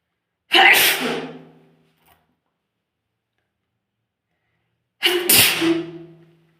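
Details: Two forceful sneezes, each a sharp explosive burst trailing off, about four seconds apart, in a quiet room; sneezing.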